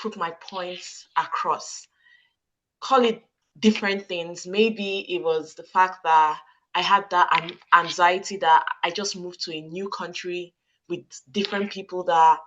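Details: Adult woman with stuttering since childhood, who says she struggles to get some words out and sometimes squeezes her hands to get them out; audible word repetitions; stuttering.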